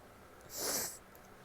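A single soft, hissing sneeze-like burst of air lasting about half a second; a sneeze.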